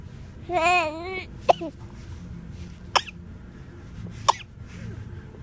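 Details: Cat cough: a brief wavering vocal sound, then three short, sharp coughs about a second and a half apart.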